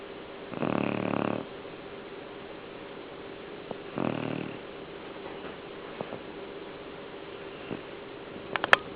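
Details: A sleeping dog snoring: two rough, rattling breaths a few seconds apart over a steady room hum.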